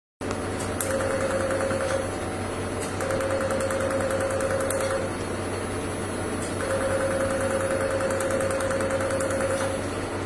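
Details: Rapid repeated clicking pulses in bursts with a faint steady tone over a machine hum: an Enlighten PICO laser firing during tattoo removal treatment.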